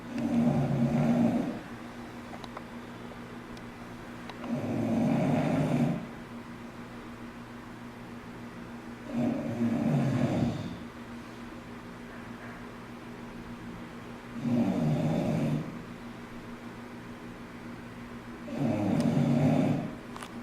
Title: english bulldog Jamie's snoring-taiwan